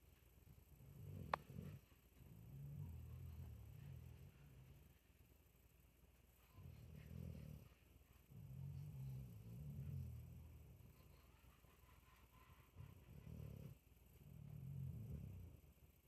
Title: Snoring